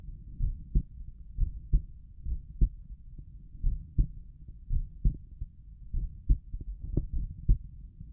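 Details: An adult lying down and trying to relax, heart auscultated at Erb's point: steady, low lub-dub heart sounds at roughly 60 beats per minute.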